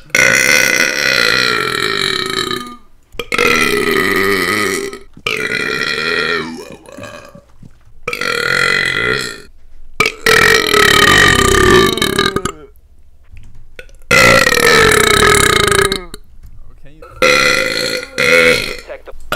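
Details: Repeated loud, drawn-out voluntary-sounding belches in quick succession, several over about twenty seconds, from a gamer deliberately burping while gaming; belching.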